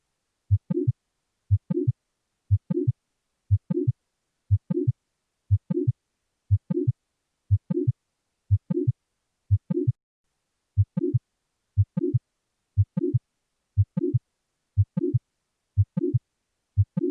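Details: Mitral valve prolapse heard on auscultation: steady heartbeat around 60 a minute with a short late systolic murmur in each beat.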